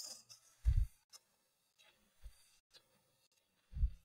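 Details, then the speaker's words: Imitated tachypnea with hyperpnea, 28 breaths per minute with large tidal volumes: fast, deep, heavy rushing breaths resembling Kussmaul respiration, as seen when compensating for metabolic acidosis. "very fast and very deep what does that sound like sounds a lot like kushal's respiration right"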